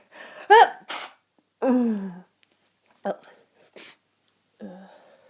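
Sharp sneeze bursts with sniffs and short breathy noises, one of them voiced, during a head cold.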